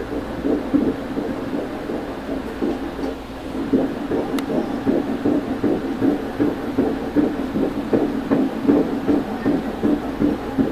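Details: Fetal heartbeat of a baby girl at 22 weeks of pregnancy during an ultrasound: rapid, steady whooshing pulses at about 158 a minute, in the normal range.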